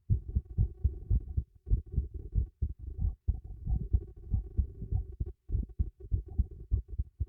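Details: Adult's own heartbeat picked up by a new microphone fixed beneath a teacup: steady, muffled low thumps in paired beats at roughly 100 a minute.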